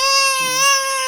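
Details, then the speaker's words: An infant girl cries while an adult coaxes her to hand something over and remarks how she is screaming: a single sustained, high-pitched wail, an ordinary fussing cry. "দেখো মা, এই যে মা এসছে, শোনো দেখো দেখো কিভাবে চিল্লাচ্ছে মা।"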